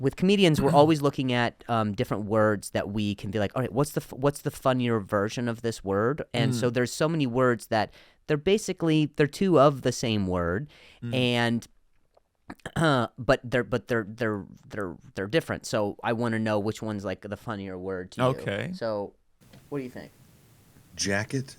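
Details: Adult male comedian who stutters, speaking on his podcast: stuttering.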